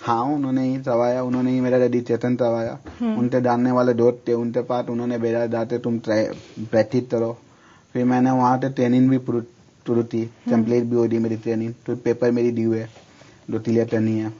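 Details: Male speech therapy client, a chartered accountancy student, with misarticulation (tutlana, articulation disorder); misarticulation.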